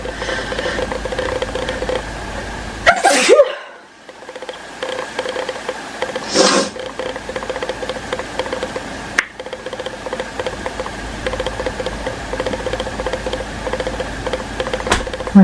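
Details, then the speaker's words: Two sharp sneezes over steady room hum from a woman on day 10 of congestion and sneezing, interrupting her vlog attempts. "Am I done now? What is happening? I keep sneezing. Are we done?"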